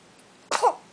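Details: Newborn girl about 24–26 hours old, just fed and recently hiccuping: a single short, sharp sneeze with a sudden burst of air and a brief high squeak; a newborn sneeze.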